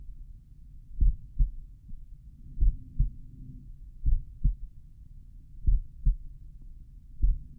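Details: Own heart recorded by stethoscope at the mitral area while lying on the back, slowed playback: paired low thumps about every 1.5 seconds with a faint low rumble between beats.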